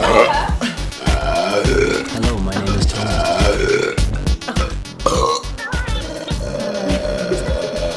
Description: drinking fizzy drinks to see who can do the best burp.